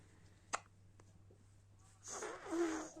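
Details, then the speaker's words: Baby girl smiling while having hiccups in the morning; two soft, sharp hiccup clicks about half a second apart, then infant vocal noise; ordinary infant hiccups. "are you having hiccups are you having hiccups sweetie yeah you're having hiccups"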